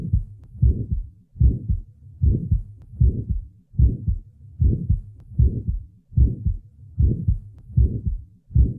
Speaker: listen next to the sounds taken from a 20 year old female with a small muscular vsd the recording was taken at the left lateral sternal border